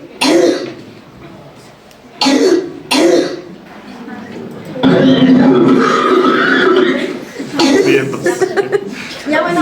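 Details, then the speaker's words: Repeated harsh, hoarse, intense barking coughs, the croupy cough of vocal cord inflammation, played as a teaching example in a respiratory semiology class; described as usually presenting in children. "ese es el ruido característico de la toca superuna y ah y bueno, también encontré más que justo como se puede ver un poco en la imagen, por lo general se ha llegado a presentar en niños."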